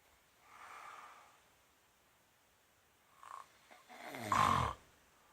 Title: Cow snoring